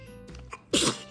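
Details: A small breath-in, then one sharp, hissy sneeze burst from a toddler during a colour-naming game, with faint music in the background; sneezing.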